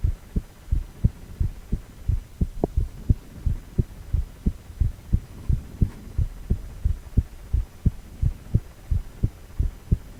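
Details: Male heart during cardiac ultrasound in 4-chamber view: regular low thumping heartbeat at about 88 beats a minute over a soft steady hum; normal heartbeat.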